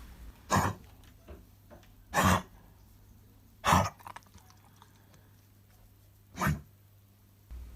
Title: Kennel cough